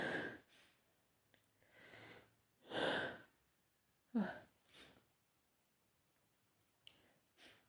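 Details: Run of sneezes: several short, explosive bursts with breathy intakes between them.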